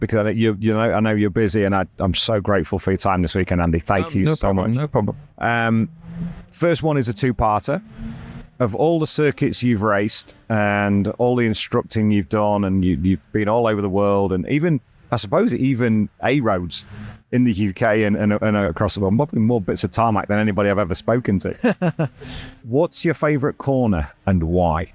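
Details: Adult male speaker; normal speech.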